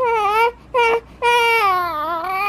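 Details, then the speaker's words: Short, clear, vowel-like "eh" fussing cries from a 5-week-old baby boy, taken as the Dunstan cue to burp; he burped afterward: infant fussing cry. "okay okay I was not too sure if earlier on that was the sound of an e could be cuz e means uh to burp the baby which he did just now by the way"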